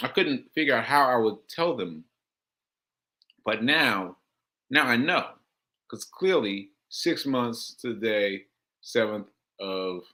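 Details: Man with aphasia, a language disorder affecting communication, about six months into recovery since July; aphasia.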